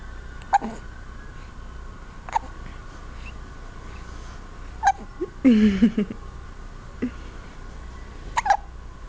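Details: Big hiccups: short, sharp hiccup sounds about every two seconds, five or six in all, with a brief vocal squeak partway through.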